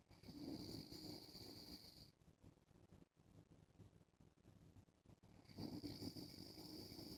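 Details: An adult man snoring while wearing a mask: muffled, rough snoring breaths with a faint whistle, repeating several seconds apart.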